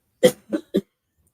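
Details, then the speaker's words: A woman coughing in the background of a conversation; she seems to have caught the coughing illness the speaker just had. "if you can hear her coughing in the back"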